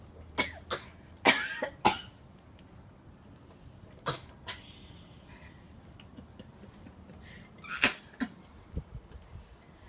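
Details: A young child imitates coughing for fun, giving several short, breathy, forced coughs in uneven bursts with quiet gaps between.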